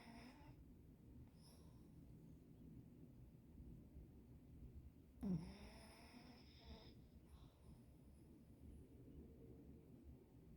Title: Dog snoring while in a deep sleep 😴